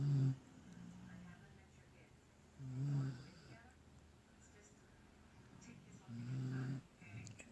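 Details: Sleeping dog: low, rumbling snores at about 22 breaths a minute with quiet pauses between; snoring.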